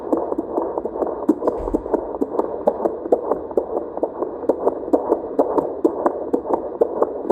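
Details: Fetal heartbeat at 38 weeks of pregnancy: rapid whooshing, galloping pulses near 133 beats a minute over a hissing background.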